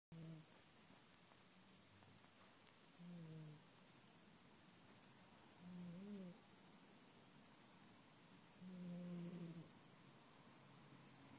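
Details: A sleeper snoring.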